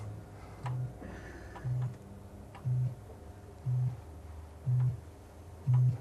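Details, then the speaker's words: Cochlear implant fitting in a woman who went deaf at 40, one of the first implants: short low tone pulses about once a second, growing slightly louder; test tone. "Okay. I'll make it quieter. You tell me when it disappears. I can still vaguely hear it."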